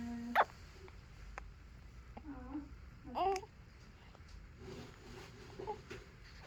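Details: Faint, brief, abrupt voiced catches at irregular intervals in a quiet room, about two to three in six seconds: hiccups.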